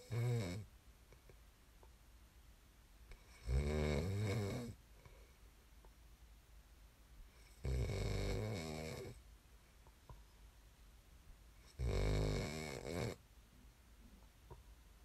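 Deep, low rattling snores on inhalation, about 15 breaths a minute, separated by quiet exhalations in a still room.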